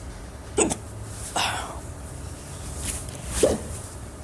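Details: Two sharp, brief throaty hics about three seconds apart, with a softer breathy catch between them, over quiet room noise; hiccups.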